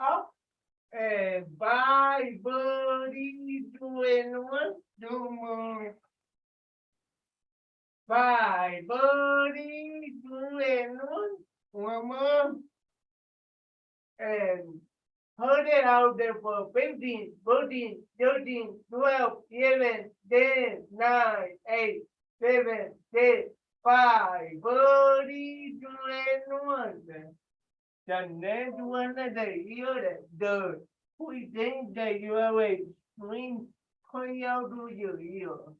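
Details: Adult with cerebral palsy, dysarthria (cerebral palsy); loud call-out during a live workout.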